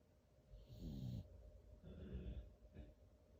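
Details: Sleeping beagle snoring: soft, low snores and snuffly breaths, three in a few seconds, with faint background hum; snoring.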